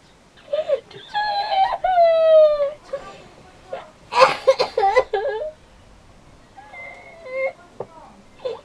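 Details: A young boy, the uploader's brother, crying angrily in wailing, sobbing bursts with sniffling and catching breaths, in a small room.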